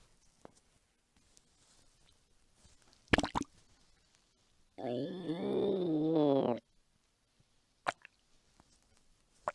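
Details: Hunger stomach rumbling from an adult woman's belly, recorded as ASMR: a single drawn-out squeaky, gurgling rumble of about two seconds with faint clicks around it; normal borborygmi.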